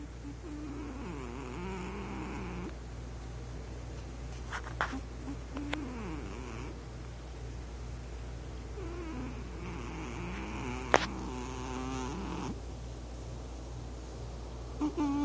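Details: Male cat in deep sleep on owner's lap, snoring for the first time owners have noticed: slow, rumbling, wavering breath sounds over room hum; phone microphone turned toward him.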